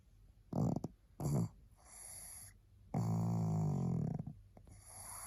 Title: Tired little pug snoring to help you sleep